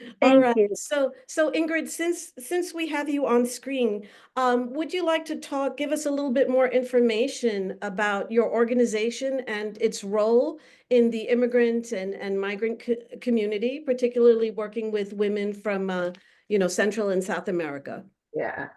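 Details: Adult woman speaking; normal voice.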